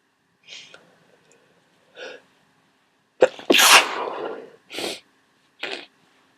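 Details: Person who woke up sneezing and congested with a cold: quiet sniffs and inhalations build to one loud, wet, explosive sneeze, then further sniffs.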